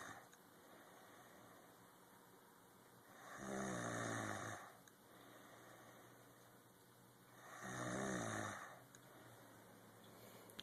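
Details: Two slow, rough snores on the in-breath, about 14 breaths a minute, over steady room noise; snoring.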